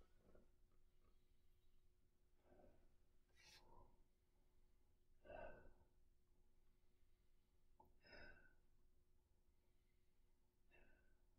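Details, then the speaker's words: Normal breath sounds, no adventitious sounds, heard by stethoscope on the chest during a nurse's head-to-toe physical assessment: quiet, slow breaths in and out, about five to six cycles, with no wheeze or crackle as the patient breathes on instruction. "Perfect. Again, no adventitious lung sounds."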